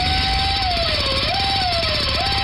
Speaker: Does your trip to the dentist office sound like this?